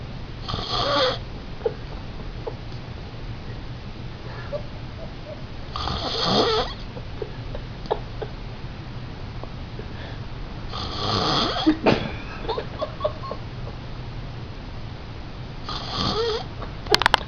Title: snoring 035.AVI